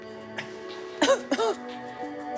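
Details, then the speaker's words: Retired school teacher without heart history who has a worsening terrible cough, asked to cough while the emergency doctor listens to his lungs. "retired school teacher doesn't have a history of heart problems, but he has a terrible cough that's getting worse."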